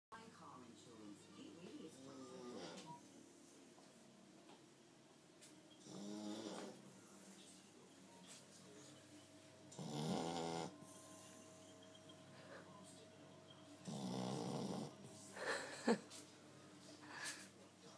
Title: Loudest snoring puppy ever!!!!